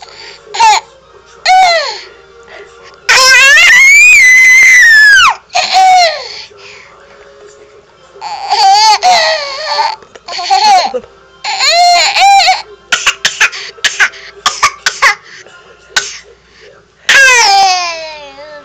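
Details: Infant laughing, with high, squeaky whistling tones in the bursts of laughter: wheezing brought on by laughing.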